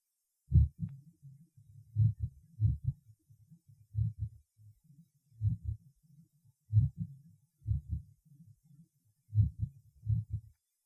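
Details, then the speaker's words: Female patient with bradysystolic atrial fibrillation: slow, irregularly irregular heart sounds of changing loudness with no set pattern, about 50 beats a minute. "следующая запись сделана у больной с броди систолической формой мерцательной аритмии"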